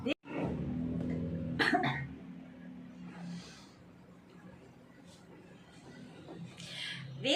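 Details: Dry cough: a few short, harsh cough bursts with no rattle or wet sound, over soft music, in someone using doctor-advised hot water steam inhalation morning and night.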